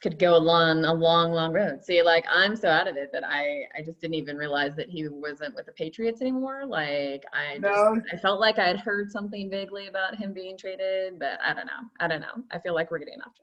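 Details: Adult woman speaking; typical speech.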